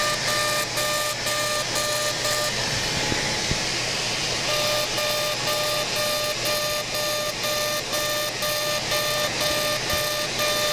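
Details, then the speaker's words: CO2 laser facial resurfacing performed during a simultaneous facelift: rhythmic electronic beeping about twice a second with a pause and machine noise. Aggressive settings of 100 millijoules at density 6, starting up the facial midline near tattooed eyebrows. "we're going to do a pretty aggressive treatment here 100 millijoules and a density of six so we're going to start by just going right up the midline"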